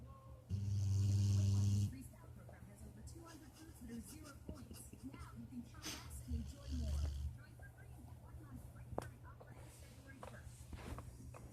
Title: Rocket snores like how Darth Vader breaths